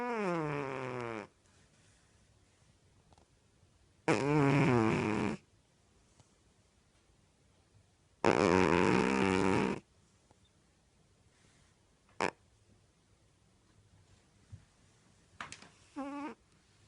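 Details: Loud, rattling snores with long quiet gaps between them, about four in the clip; snoring.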